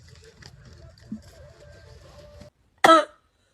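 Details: A single sharp, forceful adult cough over a low background murmur, acted in a comedy skit about a man troubled by a strong cough who is urged to take medicine.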